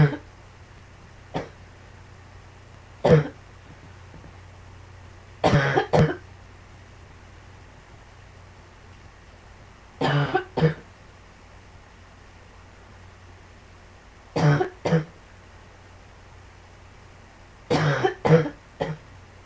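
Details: About a dozen short coughs, mostly in pairs and triplets, spaced a few seconds apart over steady room hiss; cough.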